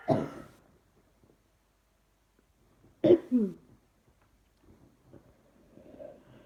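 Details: A single cough, then a double cough a few seconds later, followed by faint breathing; three coughs from someone trying not to cough.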